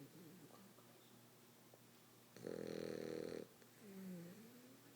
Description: Frenchie Kiara snoring very loud.